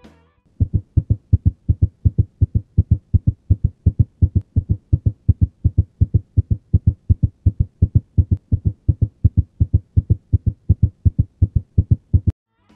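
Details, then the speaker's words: Atrial flutter with ECG shown: fast, regular rhythm at roughly 165 beats a minute with preserved, clear heart sounds, typical of atrial flutter (usually around 150 or more a minute). "vamos escutar um ritmo regular com bulhas preservadas e com frequência bastante elevada geralmente próximo de 150 ou mais batimentos por minuto"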